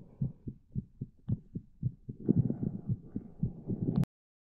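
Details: Regular low thumping heartbeat, each beat a paired lub-dub, close to 60 beats a minute.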